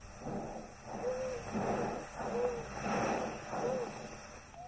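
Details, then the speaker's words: Teaching demonstration of a stethoscope respiratory exam: breath sounds with a single musical whistling note on each breath out, a monophonic expiratory wheeze. "An expiratory wheeze can be present. This is either monophonic,"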